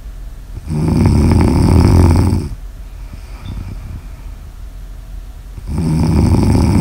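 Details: Loud, low, rattling snore on the breath in with a quiet breath out between, repeating at a slow sleep breathing pace; snoring recorded for ASMR.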